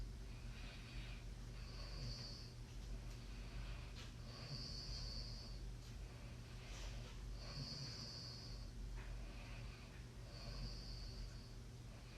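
Soft, snorting breaths with a light whistle on each cycle, roughly five breaths over background hum. Mild snoring during sleep.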